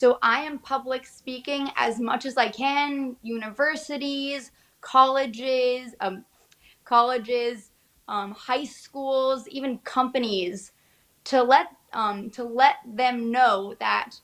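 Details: Aphasia in a young woman 6.5 years after a left-hemisphere stroke with hemorrhagic conversion, which struck during a college swim meet; she has residual right hemiplegia and occasional trouble saying words.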